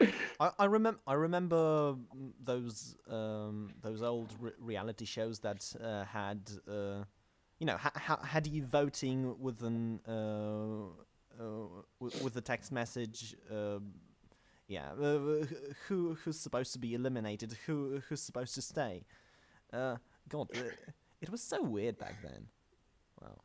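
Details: Podcast host whose co-hosts are called the non-stammering hosts, implying he stammers; show combines manga talk with speech therapy: stuttering.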